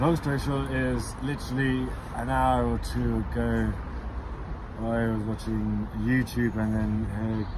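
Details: Adult man who stammers, describing stammering since childhood; stuttering.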